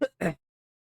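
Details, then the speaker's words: Cough from an adult gamer streaming while sick, apologizing for coughing. "Excusez, je vous ai toussé dessus. Il va pas bien, notre ami."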